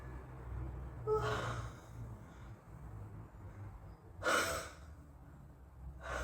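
Sharp, audible gasping breaths drawn in at intervals, the build-up before a sneeze.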